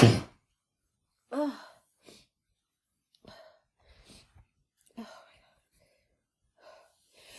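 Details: Woman with a head cold, after using chhinkni to trigger sneezing: two forceful sneezes, the second with a voiced "ah," then soft breaths and gasps in a quiet room.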